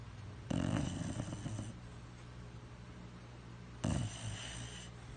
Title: Snoring dog